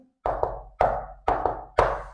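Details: Teaching demonstration of a ventricular (protodiastolic) gallop: sharp, knocking S1 and S2 with a softer extra early-diastolic S3 after some beats, giving a galloping triple rhythm.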